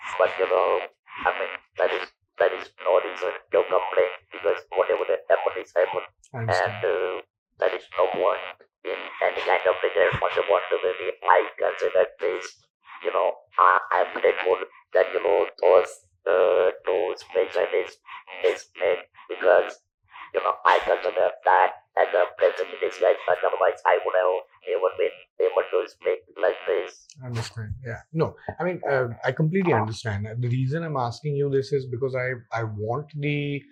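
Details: Adult who speaks with an electrolarynx after surgery in 1997 for stage 4 vocal cord (throat) cancer removed his natural voice; about 10,000 days of survival; electrolarynx speech.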